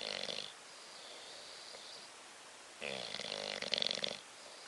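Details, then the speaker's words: Sleeping bulldog snoring: two loud, rattling, hissing snore bursts with a quieter, wheezy breath between them. "Bobby. Bobby. Stop snoring. Shit. He's snoring."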